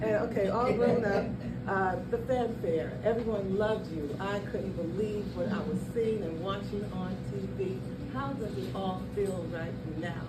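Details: Adult speaker in conversation; normal speech.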